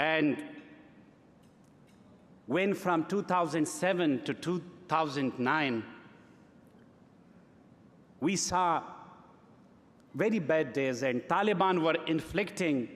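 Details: Adult man who has stuttered since early childhood, speaking at a gala: stuttering.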